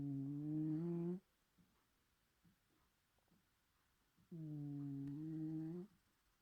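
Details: Cat (Bedford) snoring loudly, dog-like: two long, steady, hum-like tonal snores about three seconds apart with quiet pauses between.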